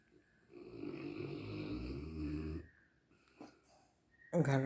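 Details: Kalu, sleeping: one long, rumbling, buzzy snore, then quiet and a brief louder snort at the end. Snoring.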